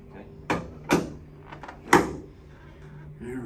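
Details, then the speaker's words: Three sharp cracking pops within about 1.5 seconds during a whole-spine decompression adjustment from skull to pelvis, with the pelvis pinned: joint cavitations. "now i'm gonna decompress your entire spine from your skull all the way down to your pelvis in one split second okay"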